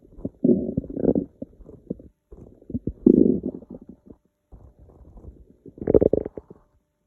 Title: Hungry stomach noises